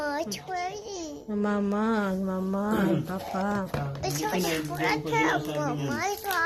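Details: Speech delay in a very talkative young girl whose speech is hard to understand.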